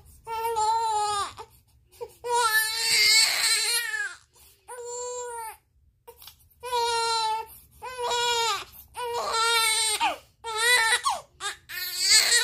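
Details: 30-day-old baby crying hard from hunger while waiting for milk to be warmed: loud, rhythmic, high-pitched wails with brief gasps between bursts; a vigorous hunger cry.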